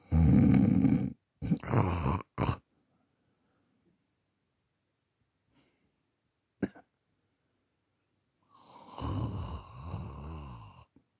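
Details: Adult man asleep at night, recorded on a Samsung Galaxy A40 phone: loud rattling snores separated by quiet pauses between breaths.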